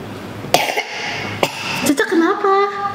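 Two short coughs from a child, then a brief vocal sound with room noise: cough with a cold.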